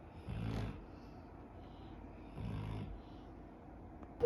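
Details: Two loud, rattling snores a couple of seconds apart, over soft wave and birdsong background, from an 11-year-old female dog; snoring.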